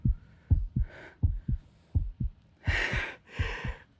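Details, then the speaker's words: Heartbeat after exertion (pretend car play, feeling out of breath), described as fast: steady paired lub-dub sounds about 83 a minute with breathy whooshes between beats. "Anong tunog iyon? Iyon ang tibok ng puso ko. Ang bilis, no?"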